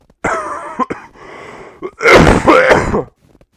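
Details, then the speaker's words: Adult with a lingering cough of about two months: a bout of loud, harsh coughs with throaty clearing sounds. "If my neighbors from the dorm in Cambridge hear the cough, they're probably not gonna take that overly well. I mean, I have been trying to get rid of it, but I was creating a lot of noise, and I've been dealing with this for like 2 months."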